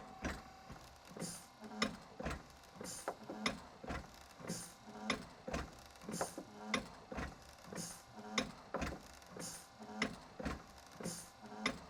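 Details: TU Delft Project Inspiration invasive mechanical ventilator, inspired by the East Radcliffe design, running: rhythmic mechanical clunks and whirring about 37 times a minute from its cam-driven cycling.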